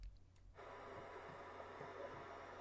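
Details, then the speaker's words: Maternal heartbeat as heard inside the womb, played as a white-noise track: steady muffled whooshing with soft, low paired thumps at about 70 a minute. "This is womb In sound. utero. Oh, God. Yeah. You hear the mom's That's heartbeat. weird."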